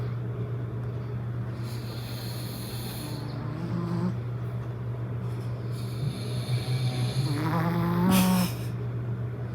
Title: Dog vs human snore #lol #funny #dog #human